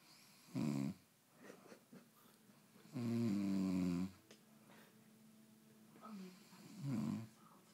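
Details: Sleep snoring: three deep, rattling snores at uneven intervals over a low room hum, with faint television talk and music behind.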